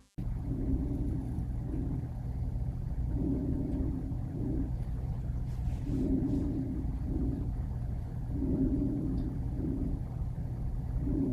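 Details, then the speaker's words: Diminished vesicular breath sounds with normal 3:1 to 4:1 inspiration-to-expiration ratio: soft, faint breathing cycles over a low rumble, as from reduced air movement, shallow breathing or thick chest tissue. "they exhibit a normal inspiration or expiration ratio of three to one or four to one listen to an example of diminished vesicular breath sounds"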